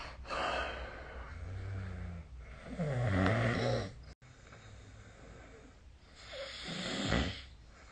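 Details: Sleep snoring recorded on 2025/03/28: rough, rattling low snores on the in-breaths, about three in eight seconds, with quieter exhaled breath between them in a quiet room.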